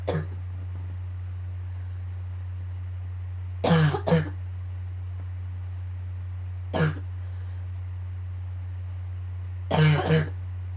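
Short cough bursts, mostly in pairs, about six coughs in ten seconds, over a steady low hum: a morning coughing bout.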